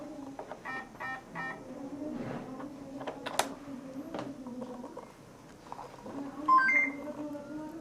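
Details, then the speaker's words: Alarm from an F&P Airvo 2 high-flow nasal cannula oxygen device, set off in a demonstration by blocking the cannula tip with a pen, warning the user to check for an occlusion. "Evet şu an kalemimin ucunda bir kaç oluşturduğumuz için tıkanıklığı kontrol etmemiz gerektiği konusunda bizi uyarıyor"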